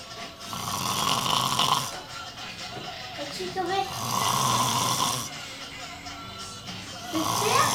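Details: Man snoring loudly: rough snoring sounds on each breath with music in the background; snoring.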